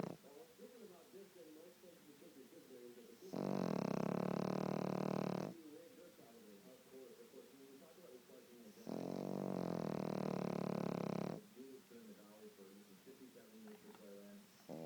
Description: My pic dog snoring with one eye open.